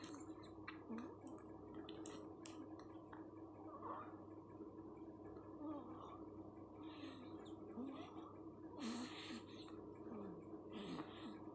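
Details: Sleeping 11-day-old infant snoring: quiet, wet, gurgling noise with each breath; infant noisy breathing.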